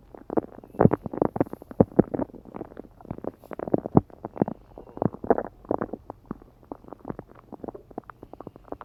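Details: Continuous low gurgling and bubbling stomach growls from a gassy, hungry belly in the morning, recorded by a phone lain on while half-asleep; muffled toward the end.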